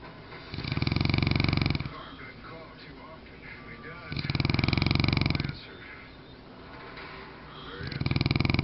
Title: Mastiff snoring